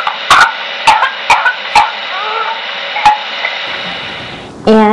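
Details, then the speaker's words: Infant with whooping cough (pertussis): a paroxysmal run of about six sharp coughs without catching breath, then a high cry. The infant turned blue, stopped breathing and needed CPR. "he would cough cough cough and the cough would just continue and continue and he would not know when to catch his breath"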